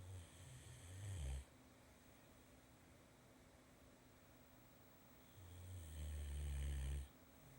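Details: Two deep, low rumbling snores about five seconds apart with a quiet pause between, from a sleeping male.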